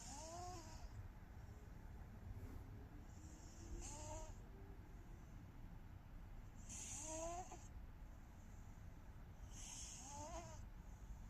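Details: Exhausted cat asleep, snoring and twitching: quiet, irregular, snuffly snores over a steady background hum, about 19 breaths a minute; snoring.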